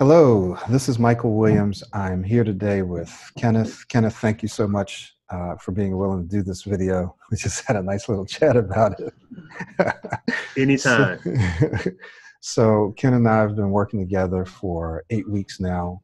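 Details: Adult man; typical speech.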